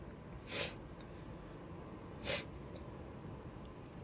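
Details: Two sharp, explosive, airy uncovered sneezes about two seconds apart in a quiet room, made during an experiment to show visible sneeze spray and mist.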